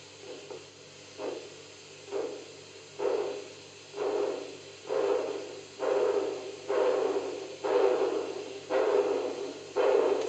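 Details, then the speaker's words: Doppler blood pressure monitoring in a dog or cat with a VAP v.2 Doppler unit and pressure cuff; rhythmic whooshing arterial flow sounds, about 62 a minute, absent at 200, returning near 140 and louder as cuff pressure falls to zero. "again I'll repeat at 140 there are sounds I'm going lower than this blood flow sounds are there even at zero"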